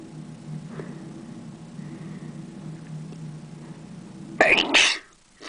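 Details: Person filming themselves sneezing at a computer: quiet room noise, then a sudden sharp burst of air with a second explosive part near the end; a single sneeze.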